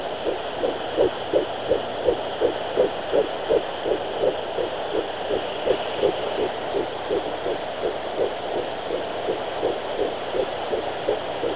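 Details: Fetal heartbeat at 11 weeks 3 days on a home fetal Doppler: rapid, regular whooshing pulses about 165 beats a minute, weaker at the start while the user was still finding it.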